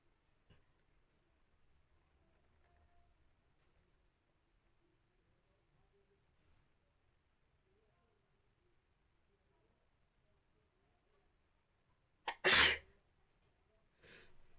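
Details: A single sharp, forceful sneeze after near silence, followed by a faint second noise; sneeze deliberately induced with a Hajmola packet in a sneezing challenge.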